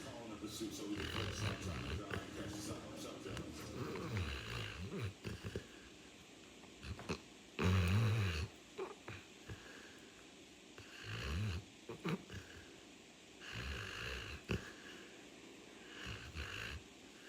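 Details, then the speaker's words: Dog snoring like a pig: irregular, low, rattling, snorting breaths with quieter pauses between, over faint room noise. "Has anybody heard a dog snore like a pig? Well, now you have."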